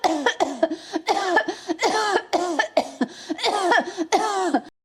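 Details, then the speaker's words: Voluntary, demonstrated cough by an adult leaning forward with hands on knees after a long deep breath, head down: a rapid run of about a dozen short, forceful, voiced coughs without phlegm in a small room. "ऐसे सांस भरो लंबी गहरी तो तुरंत आप देखेंगे कि जब वो सांस कफ से टकराएगी तो तुरंत खांसी आपको उठने वाली होगी और जब वो खांसी उठेगी तो मुंह नीचे कर लेना है और इस तरीके से खांसना है।"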